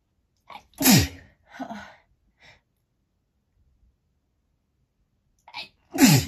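Two sneezes, each with a quick indrawn breath and then a sharp explosive burst, a few seconds apart in a quiet room.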